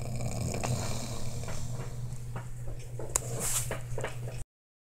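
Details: Snoring: low rumbling, rattling breath noise throughout, with a few short snorts near the end.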